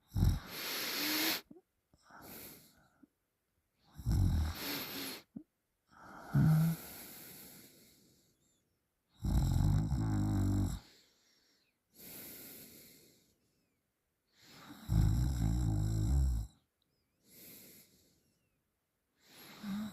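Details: Sleeping with mouth open: loud, rattling snores about 11 a minute alternating with quieter breaths, mostly through the open mouth; heavy snoring.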